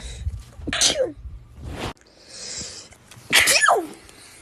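Two sharp, forceful sneezes, each with a quick in-breath and then an explosive burst out through the nose and mouth.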